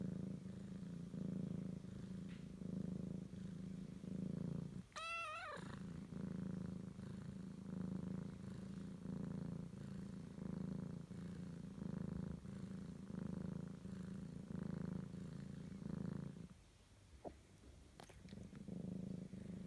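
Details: British Shorthair cat falling asleep: steady low rumbling snore rising and falling with each breath, broken once by brief squeak; snoring.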